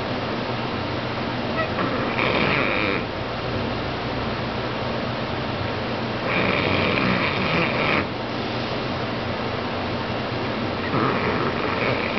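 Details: Three rough, rasping snores on each breath in a steady rhythm, about 13 a minute, over constant low room noise, while asleep on a couch: ordinary snoring.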